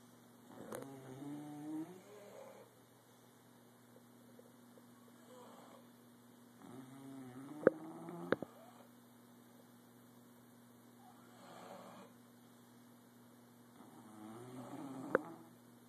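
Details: Sleeping bulldogs snoring: soft, irregular snorting snores on breathing in, a few seconds apart, over steady room hum.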